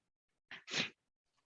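A single sharp two-part sneeze, a brief in-breath then a forceful burst, in a quiet room.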